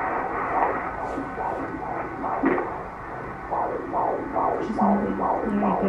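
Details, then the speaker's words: Doppler check of baby's heartbeat at monthly prenatal visit of pregnant woman with recurring abdominal rashes (liver test pending): rapid, rhythmic whooshing fetal heartbeat, roughly 140 a minute; normal fetal heart tones. "here I'm just going to uh check your heart baby's heartbeat here"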